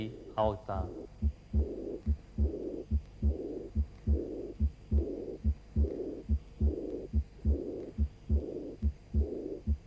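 Regular heart sounds at about 70 a minute, with a soft blowing murmur after each beat; diastolic murmur of aortic insufficiency. Brief speech at the end.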